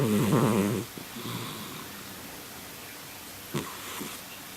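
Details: A male cat in deep sleep gives one loud, buzzing snore, then breathes quietly; ordinary snoring.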